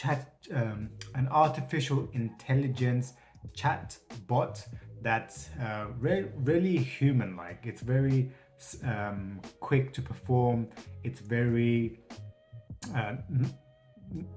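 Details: Adult who states he has a stutter; finding: stuttering.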